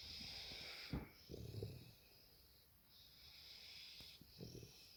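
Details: Little boxer puppy asleep on a sofa: soft, irregular, snorting snores, with a steady high-pitched hum in the background.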